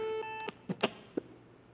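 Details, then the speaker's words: Training AED in a CPR class: a steady electronic tone, then sharp clicks as a simulated shock is delivered after the shock button is pressed, followed by the "shock delivered, begin CPR" prompt; AED shock delivery tone. "shock delivered begin CPR"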